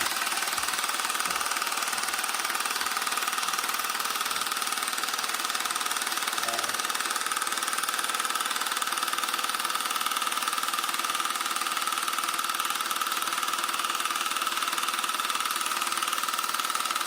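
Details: Low-intensity shockwave device marketed for erectile dysfunction, used by a man who reports no pain: rapid, steady mechanical knocking of about three pulses a second with a high whine.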